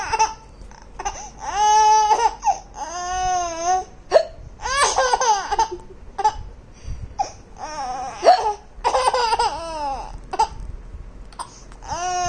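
Bursts of high-pitched giggling are broken by abrupt, sharp catches of breath. Hiccups interrupting laughter.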